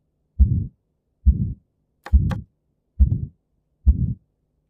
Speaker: The murmur will be like this. crescendo, decrescendo murmur. Okay, crescendo, decrescendo murmur, ejection systolic murmur. That is the murmur of your aortic stenosis.